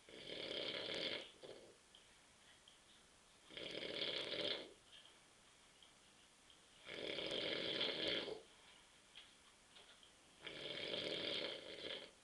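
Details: Adult husband asleep on the sofa at 9:30 p.m. after too many beers, snoring: four long, harsh, rasping snores, about 18 a minute, evenly spaced with quiet pauses.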